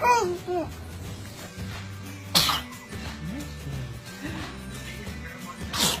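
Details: Infant sneezing: two short, sharp sneeze bursts over steady background music.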